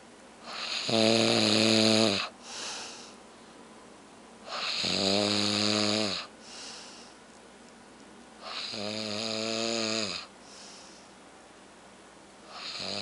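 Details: Man snoring heavily in sleep: loud, rough snores on each in-breath, about 15 a minute, with a softer out-breath between.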